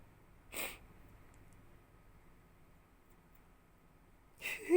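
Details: Mini rabbit (mixed breed) sneezing, possibly from allergy: two tiny, sharp, hissing puffs a few seconds apart in a quiet room.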